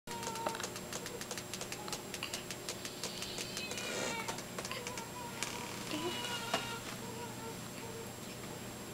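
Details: Three-day-old newborn: repeated sharp brief hiccup clicks with a few soft squeaky vocal sounds and faint room hum; ordinary newborn hiccups.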